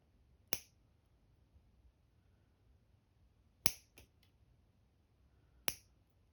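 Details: Toenail being cut during an ingrown toenail spike removal pedicure: three sharp, crisp clicks of nail clippers cutting through the toenail in a quiet room.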